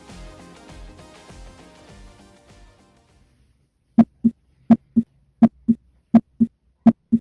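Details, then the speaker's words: Normal heart sounds at the tricuspid area (fourth to fifth intercostal space, left parasternal line): music fades, then clear regular lub-dub at about 83 a minute. "Continuamos con el foco tricuspidio. Se localiza entre el cuarto y quinto espacio intercostal, en la línea paraesternal izquierda. Procederemos a escucharlo."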